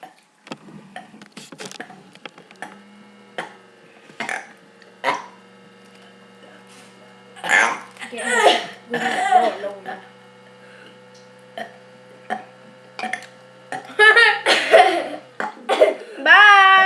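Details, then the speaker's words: Male doing deliberate burps; a series of short, odd-sounding burps separated by quiet gaps, with a few voiced belches toward the end, no cough: intentional burping. "right now um david is going to be doing a burping contest so well not a bourbon condo it's just going to be burping and show you see this one okay ready"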